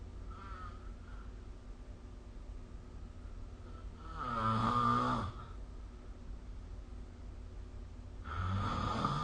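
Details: Snoring recorded with the SnoreLab app: rough, rattling snores on breathing in, roughly every four seconds, over steady room hum; ordinary sleep snoring.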